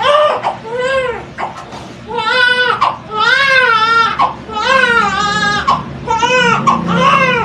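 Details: Vigorous newborn cry of a baby girl just after a natural vaginal birth with a looped umbilical cord: strong, rhythmic loud bursts with quick breaths between.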